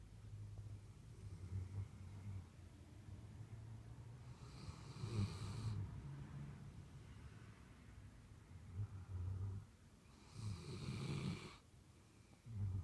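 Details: Dogs snoring while lying asleep: quiet, low, rumbling breaths with two louder snoring breaths over a steady low background hum.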